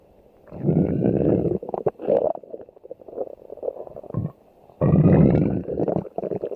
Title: Special Stomach Growl!